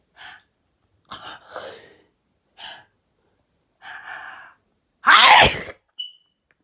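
Several quick catching in-breaths build up, then one loud explosive sneeze.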